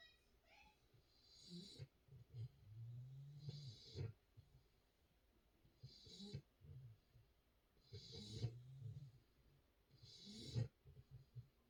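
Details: Sleeping female puppy in a diaper snoring: soft low rumbling snores with brief snuffly whistles, roughly 26 breaths a minute.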